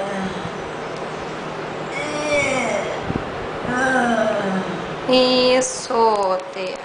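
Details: Patient with amyotrophic lateral sclerosis (ALS) speaking in a speech therapy session; finding: mixed dysarthria with spastic features.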